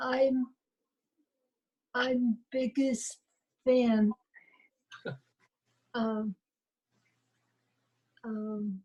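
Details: Adult woman with aphasia, speech in broken fragments with long pauses; aphasia.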